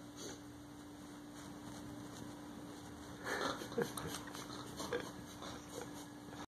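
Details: Siamese cat snoring loudly while asleep in his favorite old chair, short snuffling, piglike snorts over a steady background hum: snoring.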